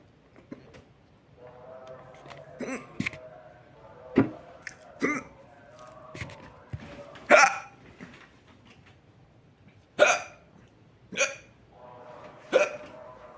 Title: My hiccups